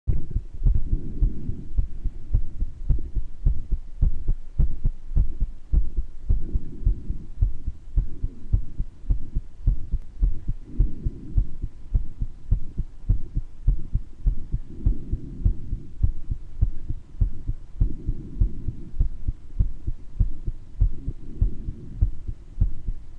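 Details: Self-recorded heart murmur in a person with mild bronchitis: regular heartbeats near 105 a minute with a soft whooshing murmur and occasional wheezes and breath sounds.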